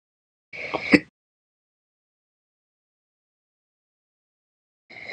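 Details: Slow hiccups after breakfast: a brief voiced burst ending in a sharp click, then silence until the next one begins.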